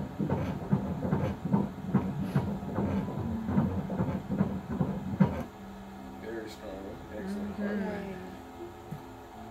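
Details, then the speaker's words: Rapid rhythmic whooshing pulses from a fetal Doppler at 17 weeks of pregnancy, then quiet room sounds. Fetal heart rate is in the 140s. "All right, so I always like to end with heart rate, heartbeat."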